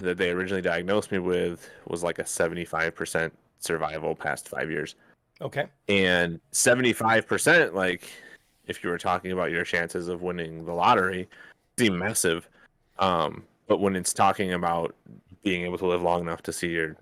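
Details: Adult man speaking; normal speech.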